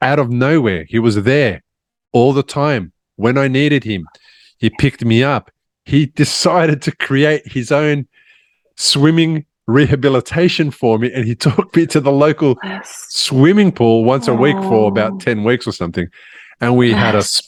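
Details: Adult man speaking; normal speech.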